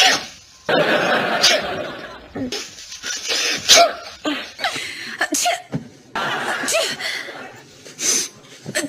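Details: A run of about six sharp, explosive sneezes in a row, with laughter and breathy sounds between them.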